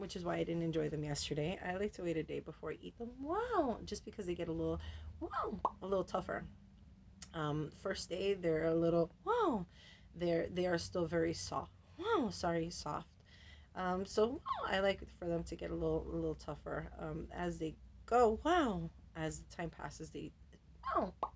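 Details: Adult woman with Tourette syndrome; vocal tics ('wow', 'whoa') and repeated words interrupt her speech, with tics very active since a medication change and also triggered by light. Finding: vocal tics (Tourette syndrome).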